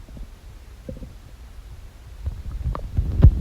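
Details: Low gurgling and rumbling with a few brief squeaks building louder toward the end: ordinary stomach noises recorded from a person's belly.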